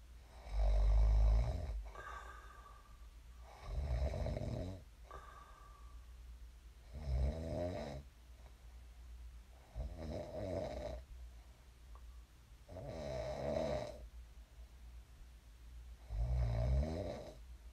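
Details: Deep rumbling snores on breathing in during sleep, about six in under twenty seconds, separated by quieter breathing; ordinary sleep snoring.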